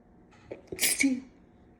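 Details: Woke with left nostril clogged from cat allergy; sneeze induced by tickling nose with a cat whisker: a short in-breath, then a single sharp, hissing sneeze in a quiet room; allergic rhinitis.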